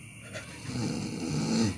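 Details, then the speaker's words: Adult's deliberate comic imitation of snoring in a joke tutorial: a single rough, rattling inhaled snore building over about a second, produced by pushing the jaw to create vibration. "suaranya itu harus di kencengin liar ada dorongan dari rahang sehingga enggan menimbulkan getaran dan suara yang menghasilkan suara yang seperti ini"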